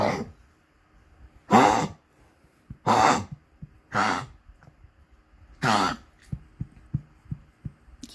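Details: Female dog coughing around 5:30 am, after medication including Lasix: four harsh, honking cough bursts followed by several short soft clicks or snorts.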